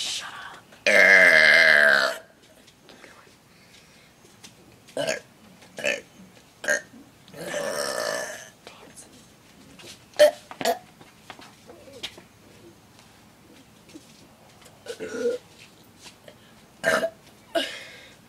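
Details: A man performing deliberate burps for an audience: a long loud belch near the start, then a second drawn-out belch among short bursts and quiet talk.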